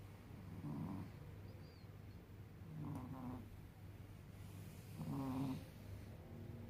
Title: Cats/Have you heard how cats snore? #Shorts